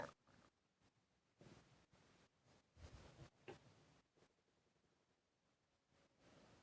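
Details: Heavy, noisy breathing with brief squelching, bubbly stomach gurgles between breaths in a quiet room: ordinary bowel sounds.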